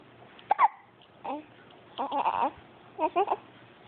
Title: Baby sucks angrily at pacifier, farts, hiccups.